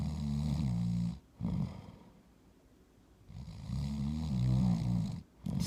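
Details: Tired male sleeping and snoring again: deep, low, buzzing snores on each breath, about three to four seconds apart, with short pauses between.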